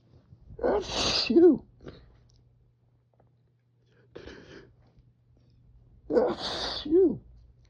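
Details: Two loud sneezes while reading aloud beside an open window, attributed to spring pollen seasonal allergies, each with a noisy build-up and a sharp voiced release, a few seconds apart; allergic sneezing.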